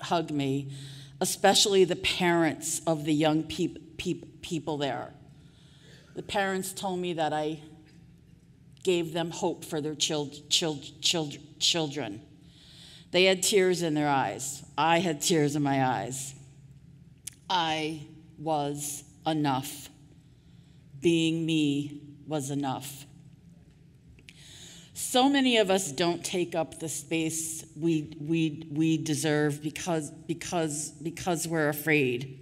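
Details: Adult woman who stutters, giving a conference keynote speech; audible part-word and word repetitions; stuttering.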